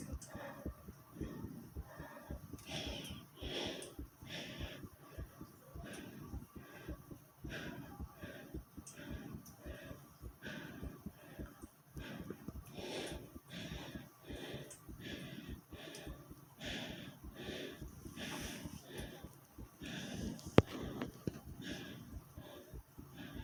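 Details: Quick, regular muffled thumps of a fast heartbeat with stomach growling mixed in, recorded by the person themselves: fast heartbeat with bowel sounds.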